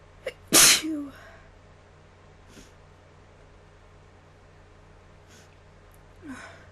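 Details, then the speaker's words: A person recording their own sneezes on request, nose still itchy: a quick intake of breath, one sharp forceful sneeze burst, then soft sniffs and breaths; ordinary sneezing. "um I had fun sneezing for you all uh hope you enjoy this video that I'm going to post probably sometime today"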